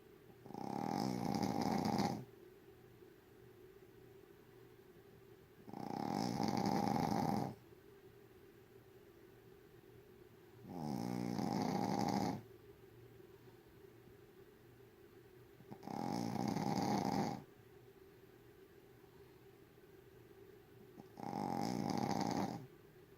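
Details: Small dog named Po snoring loudly while asleep, as it does every night: five regular rasping snores at about 12 per minute.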